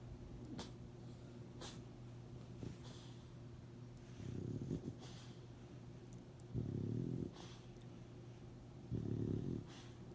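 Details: Snoring by one of the recorder's "boys" (person or pet unclear): three low rumbling snores, each about half a second long, over steady low room hum.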